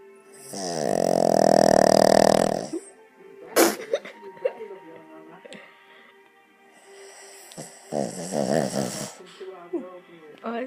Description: My dog Yogi snoring on his back